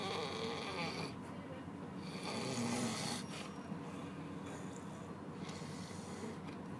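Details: Large adult man asleep on a bus: long, loud rattling snores over steady vehicle noise and faint background talk; snoring.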